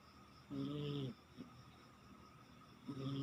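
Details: Cat snoring: two long, buzzy snoring sounds on the in-breath with quiet gaps between, in a sleeping cat.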